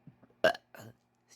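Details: Single loud, rough belch from an adult during talking, followed by a softer voiced sound; an ordinary burp.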